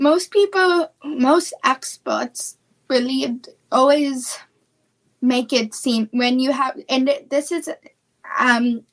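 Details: Childhood apraxia of speech, a neurological speech disorder, in a female speaker.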